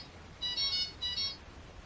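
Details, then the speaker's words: Two short bursts of high melodic electronic chimes: chemotherapy infusion pump completion alarm. "I will end this video with the sound that the machine makes when the chemo infusion is completed I pray that you never have to hear that sound again"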